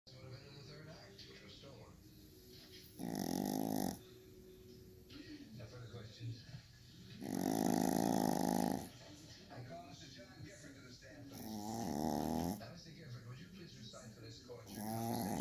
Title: Snoring pumpkin